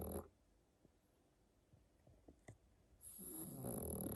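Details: Pug in a winter sweater snoring while asleep: a rough, rattling snore with a quiet pause between two breaths.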